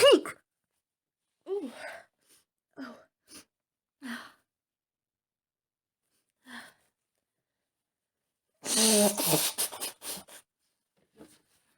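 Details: Woman with a cold: short breathy catches and gasps, then a loud forceful sneeze burst in a quiet room; sneezing.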